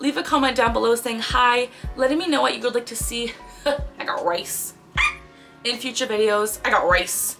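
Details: 24-year-old woman with Tourette syndrome since about age 10, diagnosed at 12, with involuntary movements and sounds; a repeated vocal tic phrase occurs mid-sentence; vocal tics (Tourette syndrome).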